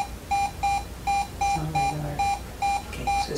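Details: Rapid cardiac monitor beeps during an EKG rhythm lesson, about 160 a minute at uneven intervals with faint room noise; an irregularly irregular rhythm of atrial fibrillation.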